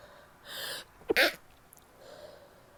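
A sharp indrawn breath followed by one forceful, wet sneeze burst; a single ordinary sneeze.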